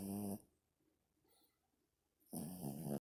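Two loud, rough, vibrating breath sounds separated by a quiet pause; dog snoring.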